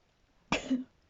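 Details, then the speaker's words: Single short, partly stifled sneeze with a brief voiced tail, described as feminine-sounding, during a painful, unusually long sneezing fit at 2:40 a.m. "what the [ __ ] that's not how I usually [Music] sneeze excuse me that's how I usually sneeze oh God what is this excuse"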